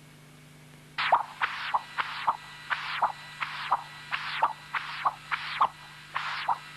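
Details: Continuous-wave Doppler, apical transducer, across the tricuspid valve: tricuspid regurgitation at 1.8 m/s, in a patient with congenital severe tricuspid stenosis (valve area 0.9 cm², markedly enlarged right atrium).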